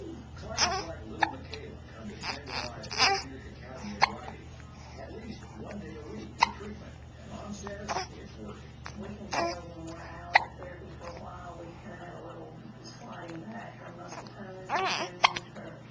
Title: Baby Hiccups